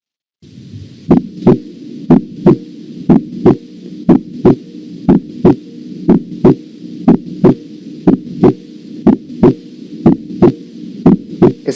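Steady, regular heartbeat at about 60 beats a minute, with two crisp sounds per beat over a low continuous hum. Normal heart sounds with a clear second sound, which comes from closure of the aortic and then pulmonary valves and is heard best at the base of the heart.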